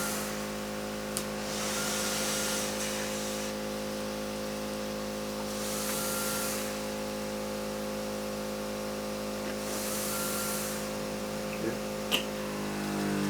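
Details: Steady motor drone of a suction unit with soft rhythmic hissing bursts during sterile cough-assisted suctioning through a tracheostomy; afterwards the patient says he feels much better.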